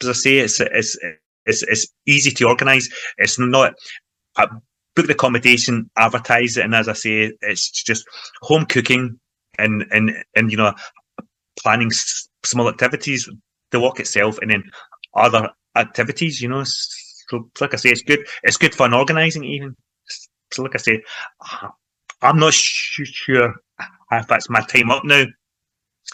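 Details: Adult man involved in stammering self-help groups for over 25 years, in everyday conversational speech; stuttering (stammering).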